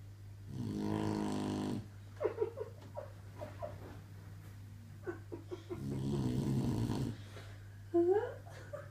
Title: Olay snoring